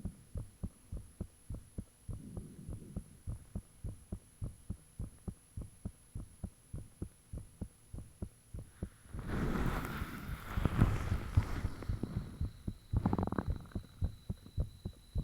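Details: Own heartbeat recorded with the fan off, shortly after it became unusually thumpy: fast, strong, regular thumps at roughly 110–120 a minute with a burst of rushing noise midway; heartbeat.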